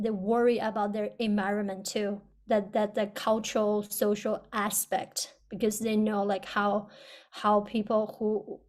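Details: Person who stutters on a stuttering panel for speech-language pathologists; audible word and part-word repetitions; stuttering.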